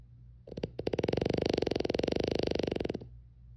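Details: Single loud, rattling snore from a sleeping French Bulldog, with a fast fluttering buzz lasting about two seconds, likened to a grown man snoring.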